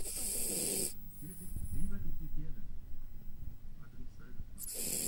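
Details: A sleeping Jack Russell puppy makes soft, low, rough fluttering breaths between louder noises at the start and end, then goes back to sleep: light snoring.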